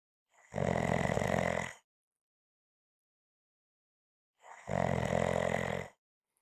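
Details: Two loud, rough snores about four seconds apart, each a buzzing, rattling sound on breathing in, with silence between them; ordinary snoring.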